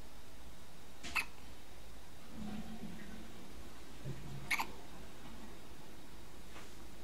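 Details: One-week-old baby boy with hiccups: two short, sharp catches a few seconds apart over quiet room noise.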